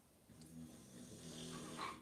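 Soft, low rumbling snore from a sleeping puppy, with a faint buzzing tone on the breath.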